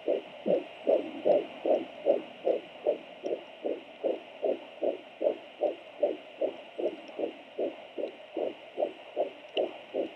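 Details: Fetal heartbeat of a baby boy at 19 weeks on a Sonoline B Doppler: rapid, regular whooshing pulses, about 150 beats a minute.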